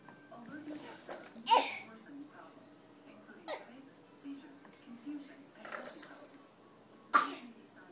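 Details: Child in a walker: three abrupt, sharp catches in breathing, spaced irregularly, with soft voices in background; hiccups.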